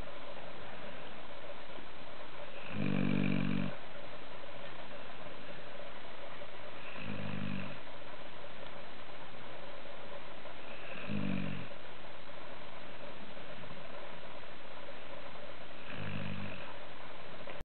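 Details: Sleeping after being worn out, regular low rumbling snores about every four seconds, roughly 14 a minute, over steady background hiss.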